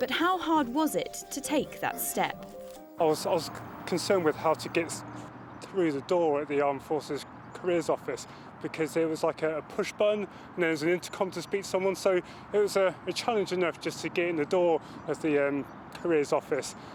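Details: Adult male Royal Air Force corporal who has a stammer, speaking English, with word repetitions; stammering (stuttering).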